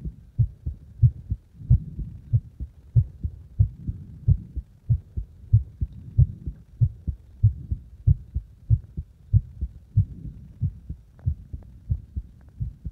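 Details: Heartbeat recorded while deliberately speeding up and slowing the heart: steady low thumping, roughly 95 beats a minute, with paired beats heard throughout.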